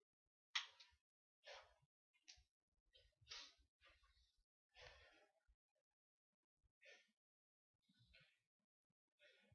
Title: sneezes